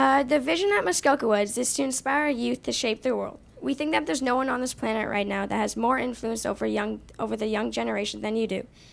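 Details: Adult speaker; Normal speech.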